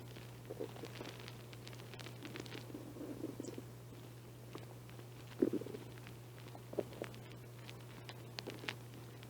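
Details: Faint gurgles and low rumbles over a steady hum, strongest near the middle, in a person who has not been eating much lately; mild stomach growling (borborygmi).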